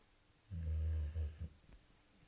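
A single deep, rattling snore from a sleeping dog.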